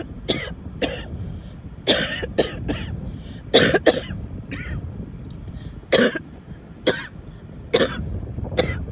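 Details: Coughing fit in the car, with coughing, wheezing and choking: about a dozen harsh, forceful coughs in a repeated run, some in pairs, over steady car rumble.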